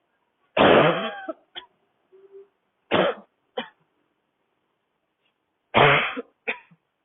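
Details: Young woman, sick, coughing while walking outdoors in cold air on a city street, with tight throat and burning chest: three bursts of harsh dry coughing, each a loud bark then a shorter cough, a dry barking cough.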